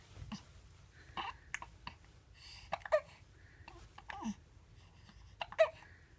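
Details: Happy infant babbling and cooing, broken by about three abrupt, sharp hiccups over six seconds in a quiet room; hiccups.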